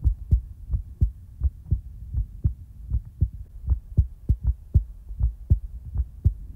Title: Heartbeat ASMR ♡ (Relaxing, Peaceful, & In-real time) ☁️